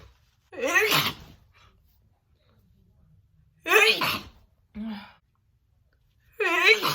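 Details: Woman's big, wet sneeze attack: three forceful voiced sneezes with a short intake between them.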